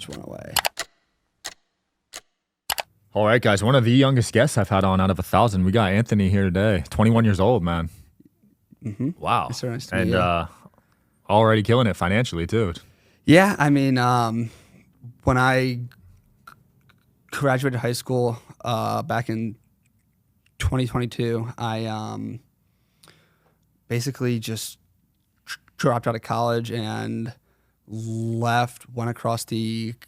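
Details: 21-year-old man with a severe stutter since fourth grade; severity varies and is worse when he consciously processes what he says; stuttering.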